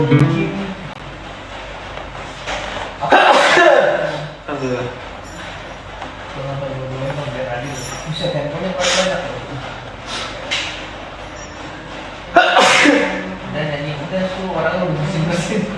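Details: Adult man sneezing on a livestream, possibly from allergy: two sudden, forceful sneeze bursts over background talk and music.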